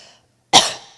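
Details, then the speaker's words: Simulated demonstration of cough efficacy: after a short silence, a single sharp, forceful cough following a deeper breath in, contrasted with the small cough produced when weak breathing muscles prevent a deep breath; illustrates a stronger cough after breath stacking. "so if I have very weak muscles so I can't really breathe in and I call you can hear that that's quite a small cough whereas if I can get a deeper breath in"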